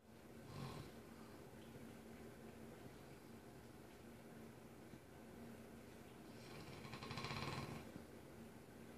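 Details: Mastiff snoring, recorded from across the room: two slow, rattling snores from a sleeping large dog, with quiet breathing between, in a small room.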